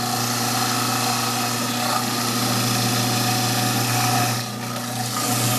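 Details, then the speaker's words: Dental model trimmer grinding a freshly poured, still-wet plaster bleach-tray model pressed hard against the wheel, wet plaster filling the trimmer rather than cutting; steady motor hum with gritty grinding roar. "It's kind of wet, so it's actually making my thing filling in the spaces rather than cutting it. It's just kind of filling in my trimmer."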